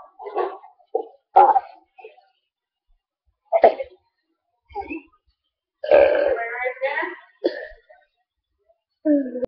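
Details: Girl deliberately burping her ABCs, a series of drawn-out burps shaped into letter sounds, with whirling noises; voluntary burping.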